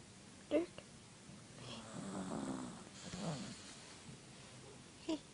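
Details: A male Chihuahua snoring in his sleep, not waking when called: two soft, drawn-out snoring breaths between brief sharp noises in a quiet room.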